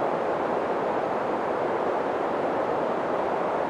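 Steady hissing, rushing noise band, mid-pitched around 600 Hz, used to match tinnitus pitch.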